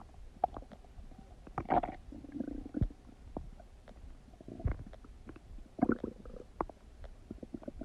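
Bursts of gurgling and low rumbling with sharp bubbly pops: loud bowel sounds during digestion.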